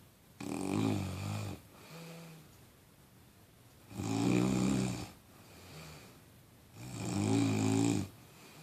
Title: snoring